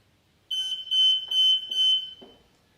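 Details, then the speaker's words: Hospital bed exit alarm on a new patient bed with weights simulating a patient, set to "changes position" mode so it sounds when the patient moves in bed: a shrill, high-pitched electronic tone repeating in pulses. "i am going to set changes position when your patient changes positions in the bed your bed exit alarm will go off"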